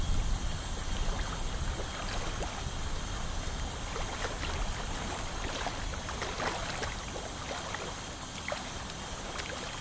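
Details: 29-year-old male's teeth during tartar removal: steady hiss of water spray and suction with scattered sharp scraping ticks, consistent with ultrasonic dental scaling.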